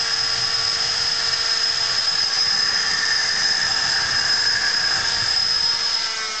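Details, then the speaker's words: Oscillating cast saw cutting through a set foot/ankle cast to remove a boot; subject protected by a sock and cutting guard; continuous high whining grind of casting material being cut, normal cast-removal sound. "sometimes it can uh create some heat when it's being used but this shouldn't be a problem for our subject because he's got a sock and a guard and um so he shouldn't feel any of the heat from it so we'll just make that those cuts now he"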